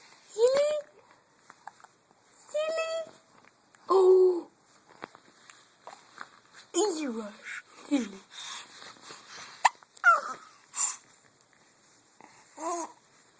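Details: Brief, sharp hiccups at irregular intervals, apparently from a baby, with a child's voice and adult baby-talk between them.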